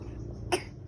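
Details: Child fakes a cough so that vitamins will be bought: a single short, sharp, feigned cough, not an illness cough, with faint room noise.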